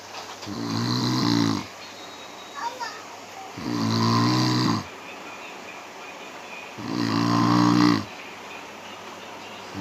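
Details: Sound-effect recording of a person snoring: three loud, rattling, voiced snores on inhalation about every three seconds, with quiet breathing between.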